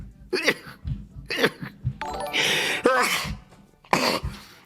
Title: boy sneezing compilation